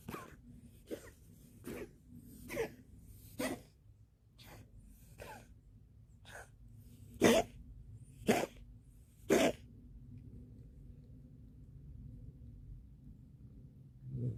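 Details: About ten sharp sneeze-like bursts in quick series, then quiet: a cat sneezing and hacking while bringing up a hairball.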